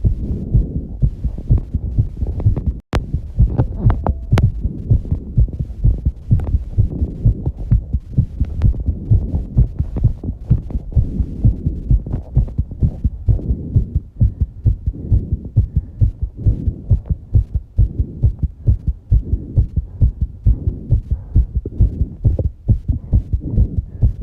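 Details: Rapid, regular low heart thumps at roughly 130 beats a minute after exercising, with heavy breathing; a fast heartbeat after exercise.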